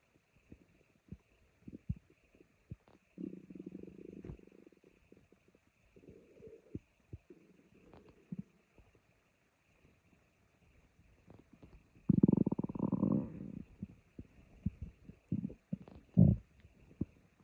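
Low gurgling rumbles and squeaks in bursts with quiet gaps, a normal growling stomach.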